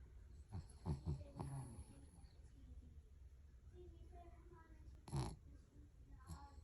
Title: snoring 😴